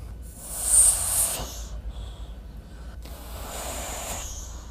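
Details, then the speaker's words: Two breathy blowing sounds as rescue breaths are given through a pocket mask with a one-way valve over a CPR training manikin's face during CPR practice. "it also has a valve that goes in here that then goes over wendy's face we then press down and give her two breaths"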